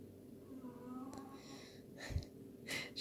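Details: Quiet room with faint hum, then two short noisy snorting breaths: soft snoring from a pet in the background, which the owner says has put on some weight.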